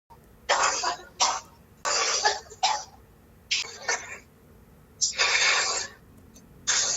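Repeated harsh, forceful coughs in close succession, a sustained coughing fit strong enough to bring on gagging.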